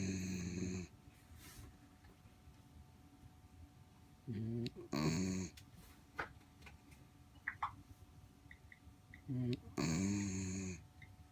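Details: Dog asleep on its back lying on a person aboard a sailboat, with loud, rattling snores on inhalation, about 12 a minute, and quiet pauses between. Dog snoring.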